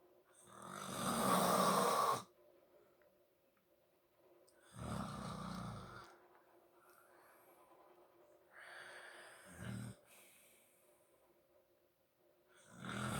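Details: Snoring in an adult man (father) asleep in a quiet room: loud, rough snores on breathing in, with quiet pauses between breaths.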